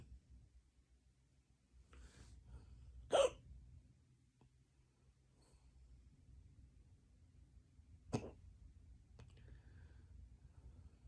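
Two sharp, abrupt hiccup sounds about five seconds apart over quiet room hum; ordinary hiccups.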